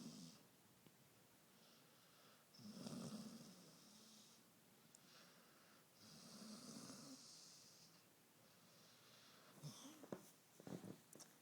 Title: Snoring dog